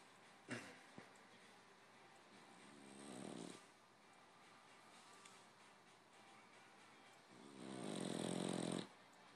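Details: Sleeping French Bulldog: two long, loud rattling snores about five seconds apart with quiet breathing between; snoring.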